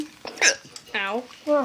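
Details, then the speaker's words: Adult with hiccups while talking; short, abrupt voiced hiccup catches between brief vocal sounds. "do it after i got the hiccups and i need some water"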